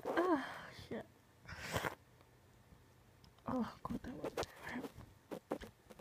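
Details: Uncontrollable sneezing: repeated sneezes in quick succession, each with a short 'ah' build-up and an abrupt burst, in a quiet room.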